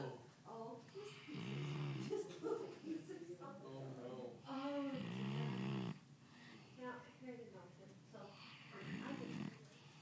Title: Snoring dog